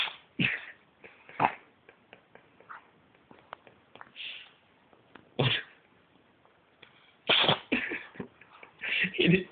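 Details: A pet cat having a sneezing fit, with several short, sharp bursts of air mixed with small snuffles and clicks: repeated cat sneezing.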